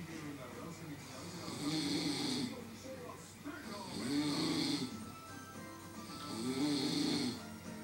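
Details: Loud, rattling snoring in a regular rhythm, about three snores in eight seconds, with faint music or talk in the background.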